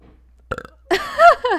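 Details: Female streamer on a live stream: a brief gulp followed by one loud, drawn-out voiced burp; burping.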